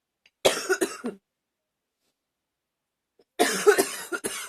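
Two bursts of rapid, harsh coughs separated by a pause, roughly eight coughs in all; a coughing fit.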